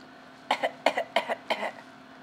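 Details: An infant deliberately fake-coughs: four short, light, double-pulsed cough sounds, made on purpose rather than from illness.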